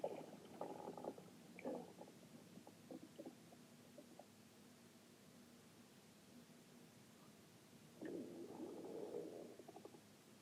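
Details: Stomach growling (borborygmi): low rumbling and gurgling bursts at the start and near the end, with quieter stretches between.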